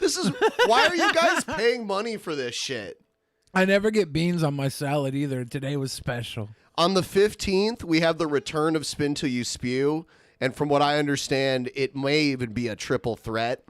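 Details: Adult male; normal speech.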